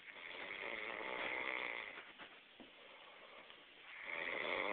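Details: Snoring: rough, fluttering breath noise rising and fading over a few seconds, with a quieter pause between snores.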